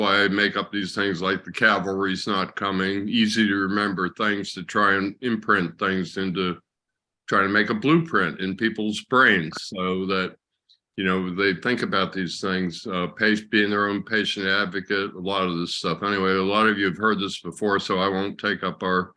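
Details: Adult man speaking; normal speech.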